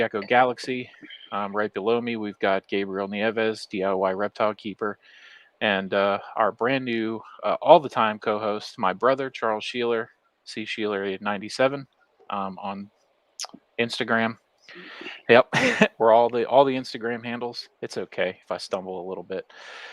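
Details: Adult man speaking; Normal voice.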